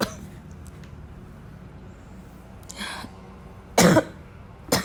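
A few scattered coughs and throat clearing over quiet room noise; repeated coughing.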